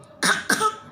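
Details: A child deliberately gives two short, forced, dry pretend coughs, without a chesty rattle; a voluntary cough.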